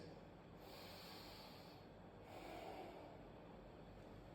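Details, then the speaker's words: Imitated normal sleep breathing: soft, unobstructed breath in and out with an open airway while lying down, shown as the contrast to airway collapse in obstructive sleep apnea. "so typically you would want to be breathing like this"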